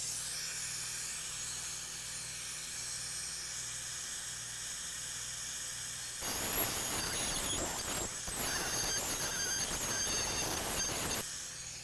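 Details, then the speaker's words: Quiet room hum, then several seconds of loud high-pitched hissing whine as an ultrasonic instrument finishes the distobuccal canal orifice during a live root canal treatment of tooth #14; ultrasonic dental instrument. "the distal-buccal still bugs so ultrasonics gonna finish it and we're gonna move on"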